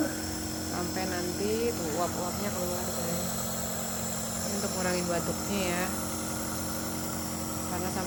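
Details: Nebulizer compressor running with a steady droning motor hum during home nebulization of a child whose allergic cough flared up again, using a standard nebulizer machine; a child's voice and background chatter are heard over it.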